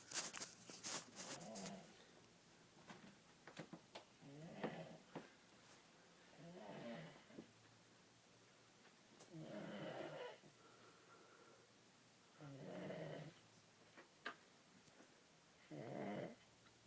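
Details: Soft, buzzing snores about every three seconds from someone asleep, with light rustling at the start; gentle snoring.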